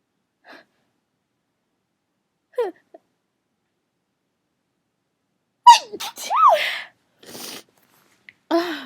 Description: didn't have a lot of time, but i had a sneeze teasing me that i had to induce out.